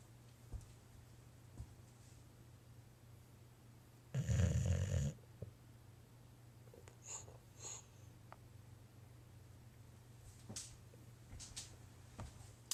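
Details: Sleeping boxer dog: quiet breathing broken by one loud honking snore, then soft snorts; owner says this usually happens right before he barks; snoring.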